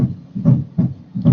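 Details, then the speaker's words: Regular low thumping heartbeats with clear beats and no extra sounds, played from a heart sound website in a classroom cardiac cycle lesson; normal heart sounds. "so you have looked up and then that other one very settled yeah see this is what normal sounds like"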